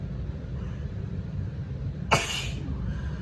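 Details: A single sudden, forceful sneeze burst from a woman at 4am after three glasses of wine, with little hitches beforehand, over a steady low rumble of background noise; sneezing.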